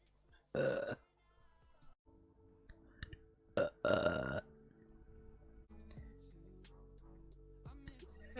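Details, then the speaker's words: Woman burping while feeling sick: two loud, low, voiced belches with a short one between, over quiet background music. "uh oh my god burp there oh wow excuse me"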